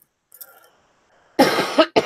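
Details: Adult recovering from an illness, first day feeling better, with a still-running nose blamed for the cough: a faint sniff, then two or three quick harsh coughs with no rattle or wetness; dry cough.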